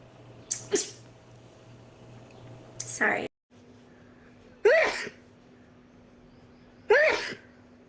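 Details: Four rapid sneezes in quick succession from a girl, each a sharp burst of air with a short voiced cry, over faint room noise.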